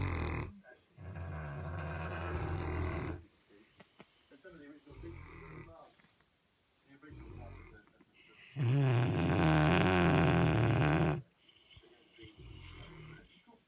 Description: 2 St Bernard's snoring